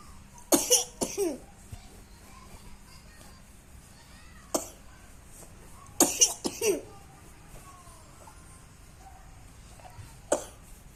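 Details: A young child gives several short coughs, some in quick pairs, with quiet room noise between them.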